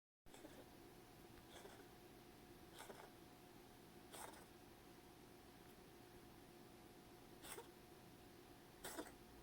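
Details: A cat coughs after being petted and purring: about five short, dry, huffing bursts several seconds apart. Several episodes occurred over 12 days; a vet x-ray was negative for asthma, and she was given laxatone for hairballs: recurrent feline cough.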